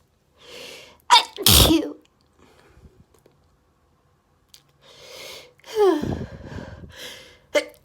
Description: Allergy rapid desperate sneezing fit! (It was insane)